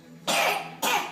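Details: Child gives two short, harsh bursts of dry cough: cough.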